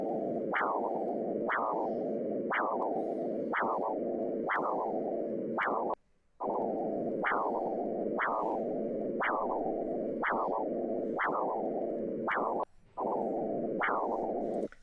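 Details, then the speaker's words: Regular whooshing pulses about 60 a minute, each a sharp rise then fading tail; normal pulsed-wave Doppler arterial flow showing systolic peak and diastolic velocity over the cardiac cycle. "es lo que llamamos Doppler de onda pulsada sobre este gráfico me está representando velocidad máxima o sistólica velocidad mínima o diastólica en función del tiempo"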